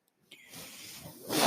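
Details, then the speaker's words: Breath delivered by the speaker's own mechanical ventilator, which he points out while talking at the start of a podcast recording; real ventilator sound. "hello everyone my name is that noise earring is my ventilator"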